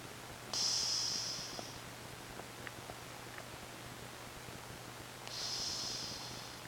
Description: ricky the cat is very cute while snoring